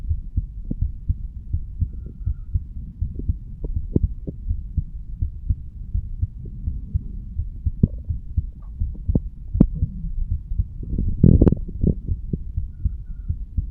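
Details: 35-year-old male standing up, heartbeat recorded at the mitral/bicuspid valve area; low muffled heartbeat thumps under heavy rumbling contact noise with a few louder knocks and scrapes.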